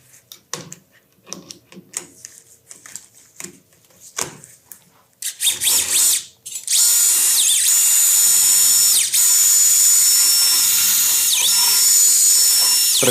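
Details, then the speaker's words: Intramedullary reaming of the tibial canal for an Expert-type tibial nail, soft tissues protected; scattered clicks then loud steady high-pitched power reamer whine; nail diameter set one size below reaming. "protegemos la parte tendinosa y empezamos el rimado intramedular Recuerden que el diámetro del cl lo determina el rimado intramedular"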